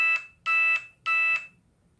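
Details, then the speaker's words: The speaker's glucose monitor sounds a low-glucose alarm, three short high electronic beeps in quick succession, during a talk. "My monitors are beeping that my glucose is low. So I don't have an abundance of glucose in my system right now."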